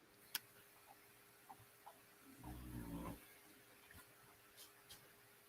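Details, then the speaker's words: Dog snoring in the background during a live call: snoring. "That's not you snoring. No, it's my dog."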